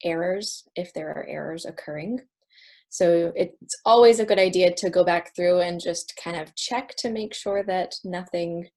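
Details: Adult presenter; no disorder.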